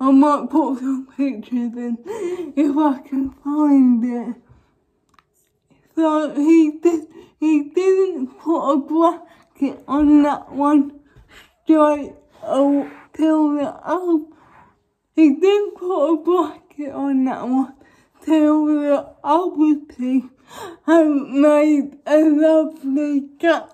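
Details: Young woman with cerebral palsy causing involuntary movements, recently fitted with braces on top and bottom teeth; dysarthric speech in cerebral palsy.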